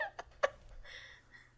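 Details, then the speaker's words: Jaw popping: two sharp clicks close together from an adult's jaw joint cracking, followed by faint breathy noise in a quiet room. "is your jaw popping it's cracking I just want to know if Adam will hear it later"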